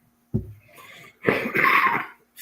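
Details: Cough from an adult with a rough voice and throat trouble who says he has liquid in his lungs.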